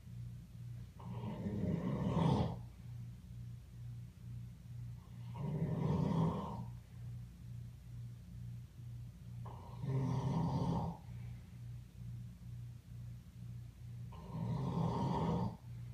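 Four slow, rumbling snores about 15 a minute over a steady low hum; ordinary sleep snoring in an animal.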